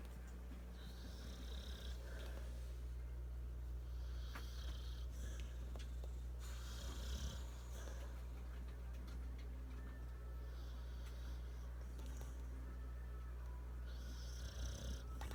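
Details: Sleeping, apparently dreaming dog named Bagel: soft, irregular, low snoring and snuffling breaths under steady room hum; snoring.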